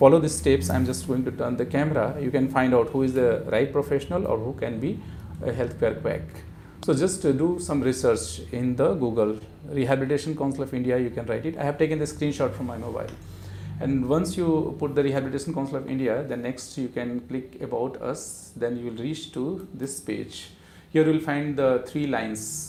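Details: Adult male speaker; normal speech.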